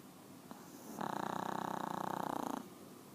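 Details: Pomeranian dog named Woofy, very tired after a big meal, snoring: a fluttering, buzzing snore lasting about a second and a half on one breath, with quiet breathing before and after.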